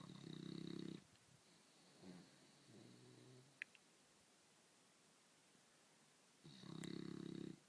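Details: Winston sleeping in bed like a human: loud rattling snores on each in-breath with a quieter breath between, in a quiet room; snoring.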